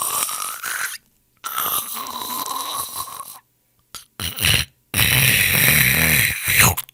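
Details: Royalty-free snoring sound effect of people snoring: harsh, rattling breaths broken by silent gaps, with a vibrating throaty quality; snoring.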